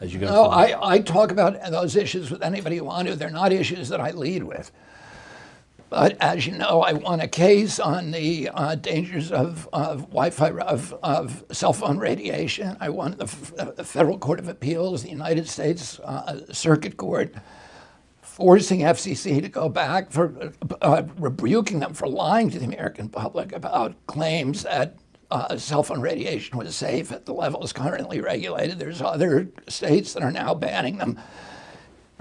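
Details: Adult male with spasmodic dysphonia, onset in 1996 at age 42 after a neurological injury; he attributes it to his brain sending wrong signals to his vocal cords rather than to the vocal cords themselves, and says his voice was very strong before onset.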